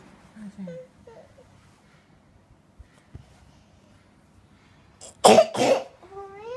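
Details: A young child, unwell with a runny nose and complaining of pain before a doctor's visit, gives two loud, harsh cough bursts in a quiet room amid babble.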